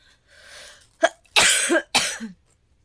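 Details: Persistent cough: a breath in, then two or three harsh, forceful coughs close together, in an adult coughing for several days without improvement despite medicine; reports shortness of breath, blocked-feeling ears, exhaustion and cold winter weather.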